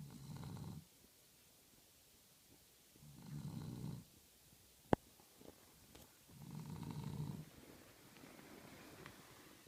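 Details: Angus, a Cavalier King Charles Spaniel, snoring while asleep: three slow, low rumbling snores, each about a second long and several seconds apart, in a quiet room.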